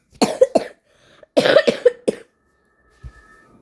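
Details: Coughing by someone who says they are sick, recorded while playing the Roblox game Dandy's World: two short bursts, about six coughs in all, with faint game sound at the end.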